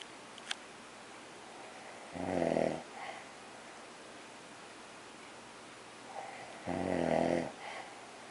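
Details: Snoring from a person napping beside a napping animal.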